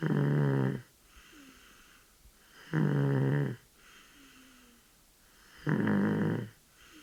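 Steady, buzzing snores about 21 breaths a minute with quiet pauses between; ordinary infant snoring during sleep.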